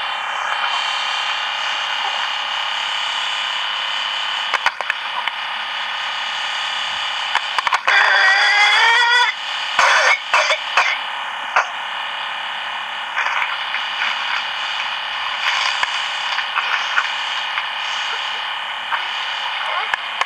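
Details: Whooping cough (pertussis) in a child, one of seven affected children: coughing fit with a high, rising drawn-in whoop, through heavy steady hiss.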